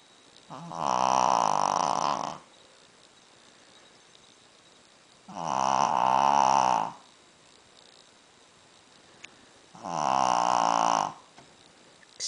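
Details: Three long, loud, droning snores about every four seconds, roughly 14 breaths a minute, from a sleeping Shih Tzu dog; snoring.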